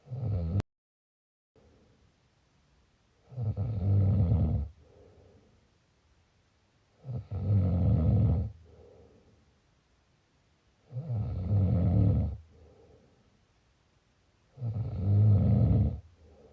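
Loud low rattling snores on each breath in, about 16 a minute, with softer breaths out between them.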